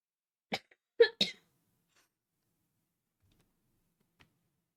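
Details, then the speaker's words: Lingering residual cough in a person recovering from recent illness, energy back and feeling better: a few short, dry cough bursts in quick succession, then quiet. "As you can hear, I still have like this little cough. My energy's back and I'm feeling good."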